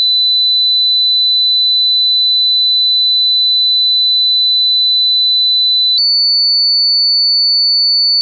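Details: Pure-tone audiology hearing test tones played low to high pitch at constant loudness, each tone lasting 8 seconds; steady high pure tone stepping to a slightly higher tone; listen at low volume.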